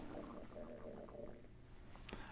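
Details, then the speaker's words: Stomach growling (borborygmi) in an adult who skipped breakfast: a low, rumbling, gurgling growl, an ordinary hunger sound. "so if you hear it uh I apologize it's it's not a crab person in the background or anything it's just it's just my stomach growling"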